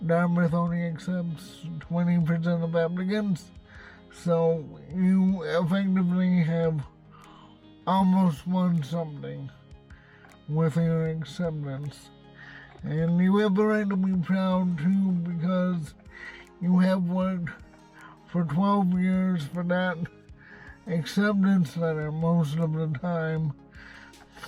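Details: Adult man with cerebral palsy and a self-described speech impediment, speaking in his car; dysarthria (cerebral palsy).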